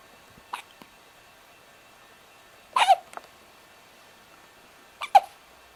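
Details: Three sharp, brief hiccup sounds, each followed by a faint catch, spaced a few seconds apart over a steady low background hum: hiccups.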